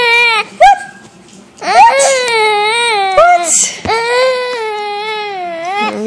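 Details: Infant during tummy time: drawn-out, wavering wails with brief catches of breath between them; infant fussing cry.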